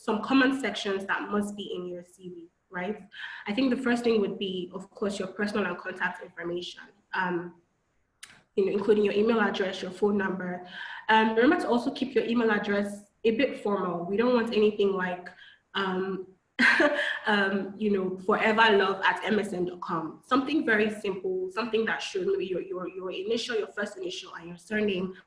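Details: Adult woman speaking; normal speech.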